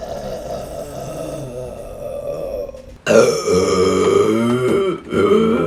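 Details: A long, low, rumbling belch, then a louder voiced burp with wavering pitch, from a burping compilation; repeated burping.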